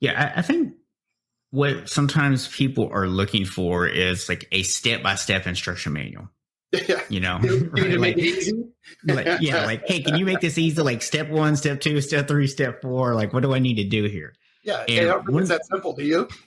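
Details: Adult man; normal speech.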